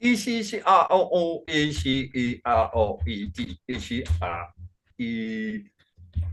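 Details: Man with Functional Neurological Disorder and foreign accent syndrome, onset 2019 alongside non-epileptic seizures, accents varying daily without control; today a bout of gibberish with a Chinese-sounding accent. Functional foreign accent syndrome with gibberish speech.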